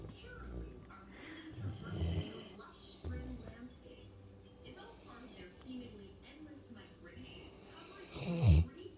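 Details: Large Labrador, about 100 pounds, sound asleep lying across its owner like a pillow: low rumbling snores with a louder snort near the end, over faint talk and TV. Snoring.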